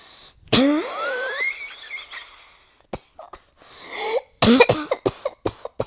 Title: Nonstop coughing fit…